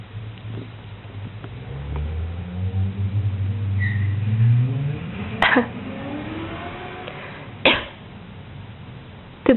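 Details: Low drawn-out rumbling sound, then two short sharp expulsive bursts from a cat; cat cough.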